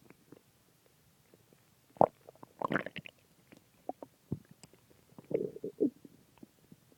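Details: Stomach growling after eating a large pizza and two ice creams: irregular gurgling and squelching bursts from the belly, ordinary borborygmi after a large meal.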